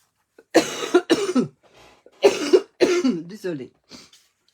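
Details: Several short, harsh coughs in a row with brief pauses, from an adult woman.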